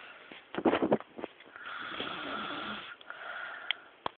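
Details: Very loud snoring from a sleeping woman (sister): a brief burst of snorting, fluttering snore noise followed by a longer raspy breath, with some room noise.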